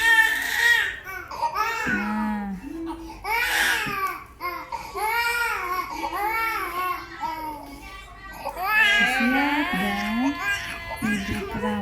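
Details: Coughing baby during a baby massage to loosen phlegm: bursts of strong, wailing crying with an adult talking over it in a small room.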